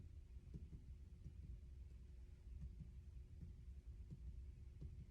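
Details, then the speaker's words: Abdominal percussion during head-to-toe exam, starting right lower quadrant: soft paired finger taps, mostly tympanic with scattered dullness throughout; normal finding. "Okay. So I do hear uh the abdomen tempanic with scattered donuts throughout."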